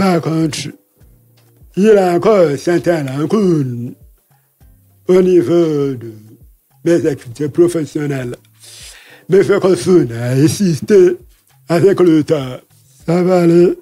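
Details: Man deaf since childhood after an illness and hospital visits, lip-reads; he says his voice has not sounded normal since a throat operation as a child in paediatrics; real French speech; deaf speech with altered voice.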